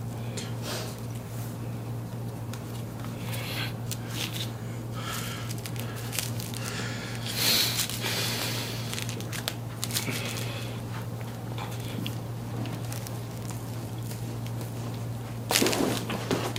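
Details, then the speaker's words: Adult man with cerebral palsy and constant tightness in the back and shoulders, during a second round of chiropractic spinal manipulation: a deeper pop the patient felt as deep; spinal joint cavitation. "that was deeper that was a good one oh um wow"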